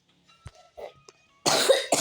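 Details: Quiet room, then a loud harsh single cough with a short follow-on: cough.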